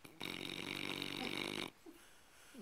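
A single harsh, raspy, snorting breath lasting about one and a half seconds, the kind of noisy snore a sleeping dog makes.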